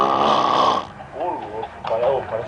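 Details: Snoring from a sleeping person.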